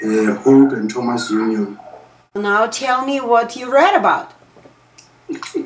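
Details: Adult speaker; typical speech.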